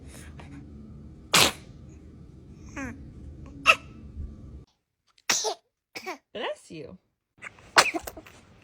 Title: Baby Sneezes || Blessings #babysneeze #blessyou #blessed #sneezeface ...